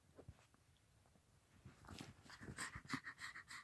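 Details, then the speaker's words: Heavy, rapid, irregular panting and gasping for air, growing louder and more forceful, in an 18-year-old female toy poodle two weeks after falling down steps, following a vet's steroid shot; labored breathing. "but now she's doing these heavy panting and gasping for air I just I don't know what else to do I need help"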